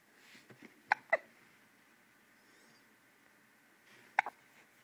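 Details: Baby hiccuping: short, sharp squeaky catches, a quick pair and then another about three seconds later over faint room noise; hiccups.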